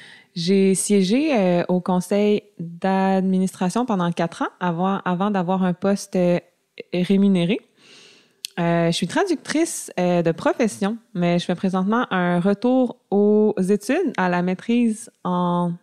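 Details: Adult woman who self-identifies as a person who stutters; mild stuttering.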